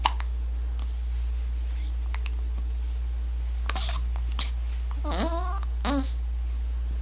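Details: Infant hiccups: short, repeated hiccups mixed with soft cooing over a steady low hum.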